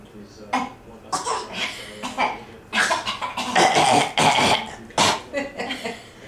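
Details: Voluntary cough, a good deliberate cough produced on request by a young child.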